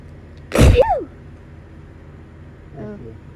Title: Autumn allergy sneezing fit